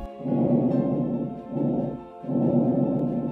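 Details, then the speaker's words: 38-year-old man with coronavirus, four days of fever and cough, severely short of breath and on facemask oxygen; stethoscope auscultation gives rapid regular breaths with clear airflow and no crackles or wheeze: tachypnoea with clear breath sounds. "on auscultation he had clear breath sounds but fast breathing"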